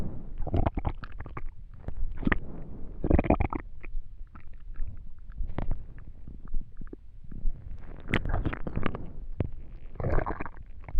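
Irregular low gurgles and rumbling bursts with brief squeaky clicks, recurring every second or two: ordinary stomach rumbling during digestion.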